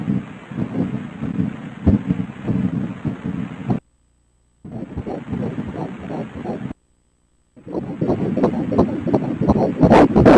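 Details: Fetal heartbeat on Doppler ultrasound at 11 weeks of pregnancy, the third ultrasound, rate noted as 176 bpm: rapid rhythmic whooshing pulses with brief silent gaps; normal fetal heartbeat.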